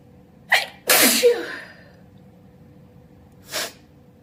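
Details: Adult deliberately sneezing loudly, alone at home: sharp intake of breath, then a loud, voiced, wet open sneeze with a short follow-up burst; ordinary sneezing.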